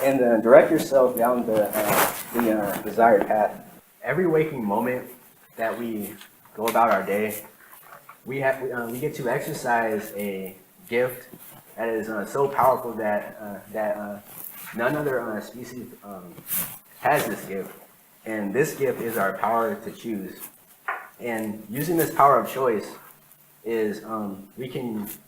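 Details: Real stuttering in an adult man, recorded during a speech sometime between 2013 and 2019.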